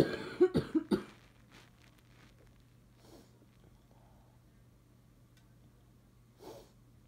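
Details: Cough in a person with bad allergies and sneezing, now coughing; they wonder if it is allergies. A quick run of four short, dry coughs, then quiet with a faint breath and a throat noise.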